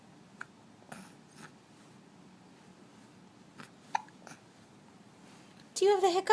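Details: Infant in a bouncy seat, watching his toys, with several faint, abrupt little catches at irregular intervals, then a voiced fuss in a quiet room; hiccups.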